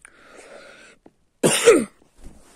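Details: A single sharp, forceful cough after a drink went down the wrong way, with faint room noise.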